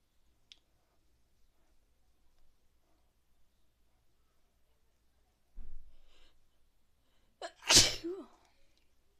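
A quiet pause, a short in-breath, then one loud explosive sneeze with a brief trailing voice sound.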